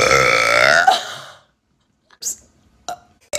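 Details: Girl burping: one long loud voiced belch lasting over a second, then brief quiet mouth sounds; burping.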